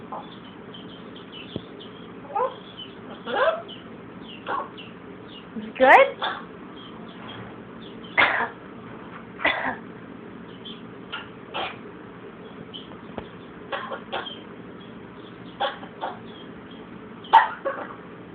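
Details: Blue and gold macaw that has a cold mimics a cough, giving a string of short, husky cough-like bursts over a steady background hum: cough-like vocalizations (mimicked cough).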